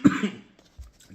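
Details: A single sharp, forceful cough, then a faint low sound, from an adult man eating a very hot pepperoni pizza he has just taken out of the oven.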